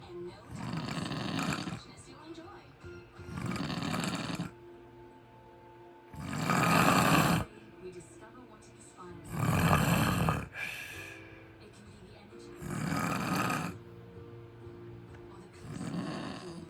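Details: Sleeping man with heavy, rumbling snores and noisy breaths in and out, about 9 breaths in 17 seconds, over a faint steady background tone: snoring.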